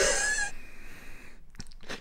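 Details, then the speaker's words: Forceful nasal breath carrying a faint high-pitched whistle that fades, then soft breath noises; person reports the nose has been wheezing for three weeks. "You know my nose has been wheezing for 3 months? Can you like- 3 weeks, sorry, 3 weeks."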